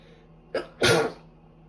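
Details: Single sneeze, a quick intake then sharp explosive burst, from a woman on the second day of a cold who can't stop sneezing: sneeze.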